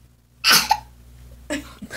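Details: Simultaneous cough, hiccup and burp: a sharp breathy cough-like burst with a brief gulping catch, then a second softer burst.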